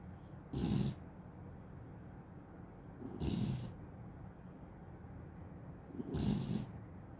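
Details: Three deep, rough snoring breaths over about seven seconds, roughly 25 a minute, from a sleeping American Staffordshire terrier (staffy) said to snore like an old man; snoring.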